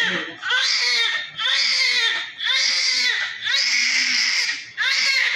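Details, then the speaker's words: Loud, strong, rhythmic crying in bursts about once a second from a newly delivered, very big male newborn after normal vaginal delivery with meconium passed; good active cry, head circumference about 34 cm. "the baby is so beautiful abar SC is a good cry is active"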